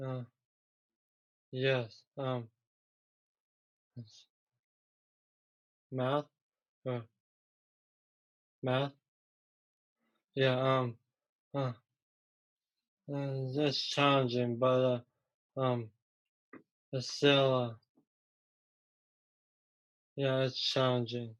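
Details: Aphasia in a young male about 3 years after a stroke from a ruptured arteriovenous malformation at age 15 that caused a coma; a problem getting words out rather than understanding.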